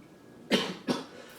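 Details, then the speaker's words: Two short dry cough bursts in quick succession, acted in a comedy skit about coughing during the coronavirus pandemic; the cougher insists it was just his throat, not Corona. "everyone calm down it was a little coughing my throat was like that ain't no Corona"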